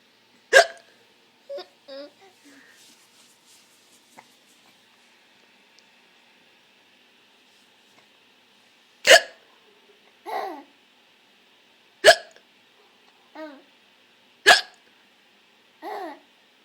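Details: Hiccups with laughing: sharp, abrupt hiccups in irregular pairs, each followed by a brief voiced catch, in a quiet room.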